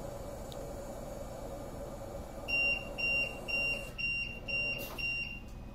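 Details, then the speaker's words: Repeated high-pitched beeps, about two a second, from a ventilator's high peak pressure alarm, shown as "high pressure" on screen during rapid sequence intubation training for nursing staff; most often caused by the patient being awake. "all the all the alarms will make that noise but then it'll actually say yeah across the screen"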